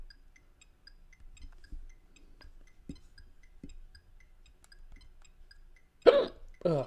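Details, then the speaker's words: A person exclaims in annoyance at their own hiccups during a live-streamed unboxing. "God, fucking hiccups."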